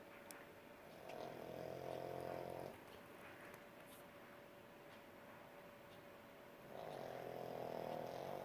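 Two soft, regular buzzing snores on the in-breath with quiet pauses between; light snoring in a sleeping child.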